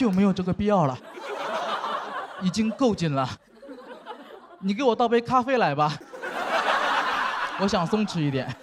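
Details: Adult speaker on stage; normal speech.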